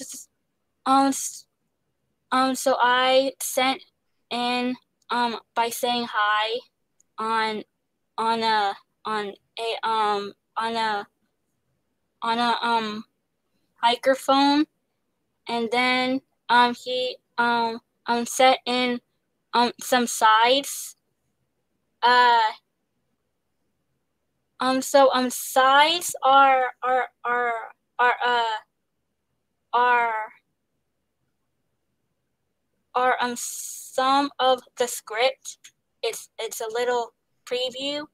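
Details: Stuttering in a young woman, an actress, singer and dancer, who describes pauses, word switching and restarts and receives speech therapy.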